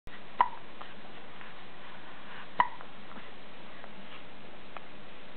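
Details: Two sharp, brief hiccup clicks about two seconds apart, with fainter catches between, over a quiet hiss, from a pet: hiccups.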